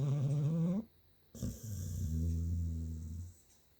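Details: Sleeping dog snoring, recorded 12/15/2019: a brief rising whiny vocal sound, then a low, steady rumbling breath; snoring.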